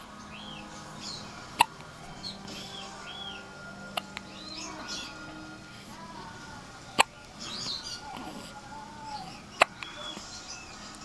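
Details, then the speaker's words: 5-day-old newborn with hiccups: four sharp, brief, jerky catches over about eleven seconds, with soft chirping in the background; newborn hiccups. "Is that all? Hey, honey. You got the hiccups?"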